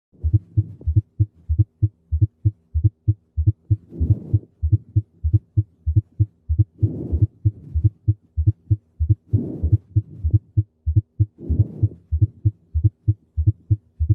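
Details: Heart auscultation with regular low heart sounds near 95 per minute and an extra soft sound just before the first sound, a fourth heart sound (S4) gallop.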